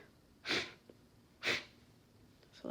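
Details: Woman congested and recovering from a cold, sneezes induced with chhinkni snuff: two forceful airy sneezes about a second apart with sharp breath catches between them; nose blowing follows at the end.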